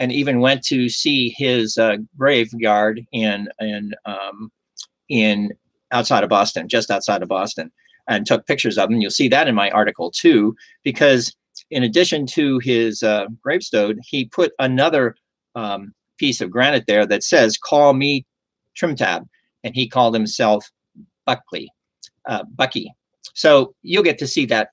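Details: Adult male stroke survivor with aphasia caused by a stroke; aphasia.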